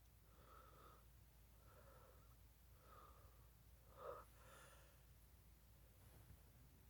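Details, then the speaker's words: Sneeze build-up in a person who says their nose tickles so bad: several quiet, regular catching breaths, then a short sharp burst near the end. "Tickles so bad."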